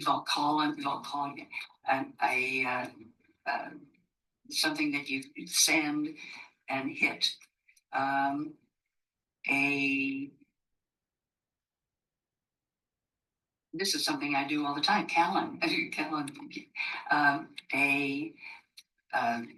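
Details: Woman with the logopenic subtype of primary progressive aphasia, a progressive language disorder, with word-finding difficulty and circumlocution.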